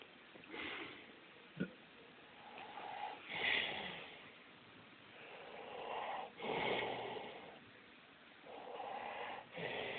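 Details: Father asleep, snoring like an old car: soft, raspy snoring breaths with snorts at some breaths, about 19 breaths a minute, in a quiet room; snoring.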